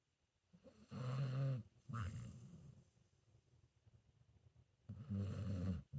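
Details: Senior pit bull mix dog snoring while sleeping: low, rumbling snores, two close together then a third after a pause.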